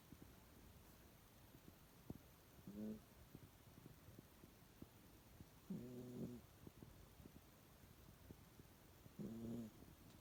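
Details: Three soft, short nasal snores in ten seconds over faint clicks and room hiss: quiet snoring during sleep, possibly the owner's kitty; owner says they and their cat both snore.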